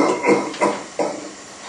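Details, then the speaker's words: Man with C4 quadriplegia, left hemidiaphragm paralysis, recovering from pneumonia, lying supine in bed; therapist gives a forearm compression over abdomen and chest as he breathes in, then coughs: assisted cough. "so i'm leaning with all of my body weight over the top of his body and at the bottom of the compression i'm giving him a little bit of a shake which helps to tickle secretions up a little bit further"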